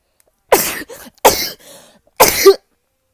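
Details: Young Japanese woman sneezing, three sharp explosive bursts in a row with a short breath after each: a series of sneezes.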